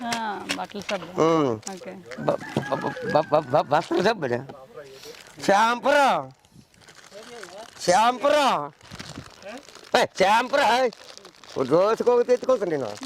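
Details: stuttering (word repetition), speaker repeating words while talking in Telugu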